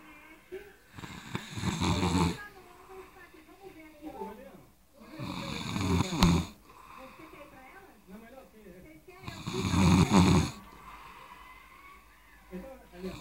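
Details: Snoring: three loud rattling snores about four seconds apart, roughly 15 breaths a minute, with faint talk in the room.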